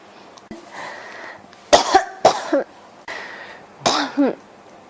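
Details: Repeated coughing in an adult, Japanese speaker who says the throat feels scratchy today: two clusters of harsh, dry coughs, about five in all, with quiet breathing between.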